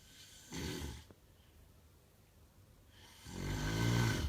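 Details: A man (the uploader's brother) snoring: two deep, rumbling snores with a quiet gap between them; loud ordinary snoring.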